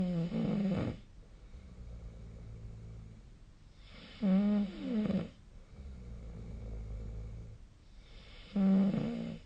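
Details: Human sleep recording dated 2025/02/18: loud, rattling snores on each inhalation, about 14 per minute, with quiet breathing between. Snoring.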